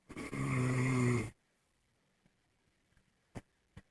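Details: Person snoring: one loud, rough snore on the in-breath, then quiet with faint small noises.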